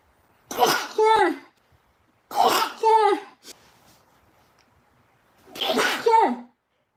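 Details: A Japanese girl stifling her sneezes: three muffled, high-pitched bursts about two seconds apart, each after a quick, sharp intake of breath.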